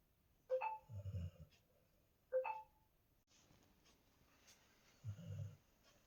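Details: Sleeping golden retriever snoring: low, rumbling snores at uneven intervals, with brief snorty sounds at the start of some breaths.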